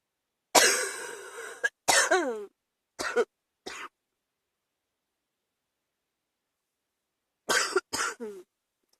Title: # 88 chest cold evening cough